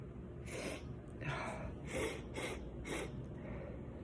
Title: Non inappropriate sneezes lol